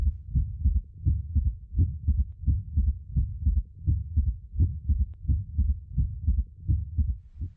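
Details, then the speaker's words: Patient rolled partly into left lateral decubitus, stethoscope bell placed lightly at apical impulse: low-pitched heart sounds about 86 a minute with soft third sound after S2; illustrative S3 gallop. "then recheck the position of the apical impulse and place the Bell lightly over that location if the patient had an audible S3 it would sound like this"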